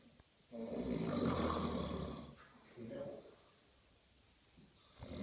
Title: Funny snoring ment to be workin naughty Boi